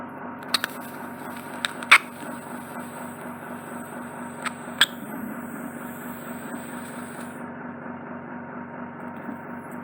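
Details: Endoscopic ear wax microsuction of a narrow ear canal: continuous suction hiss with a steady hum and occasional sharp clicks and pops as a large solid impacted wax plug spanning the canal is drawn out.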